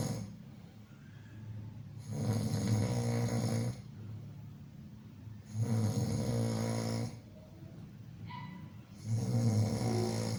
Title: #Funnysound | Snoring | குறட்டை ஒலி